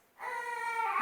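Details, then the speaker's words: Baby crying in the background of a home cooking recording: a high, steady wailing cry begins after a brief silence and lasts under a second. "Comme vous entendez, il y a bébé qui pleure, donc je vais m'en occuper."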